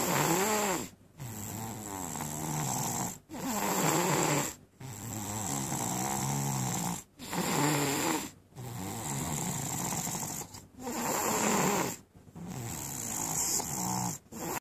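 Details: Loud, rough snores with short quiet gaps, about 16 breaths a minute: heavy snoring during sleep.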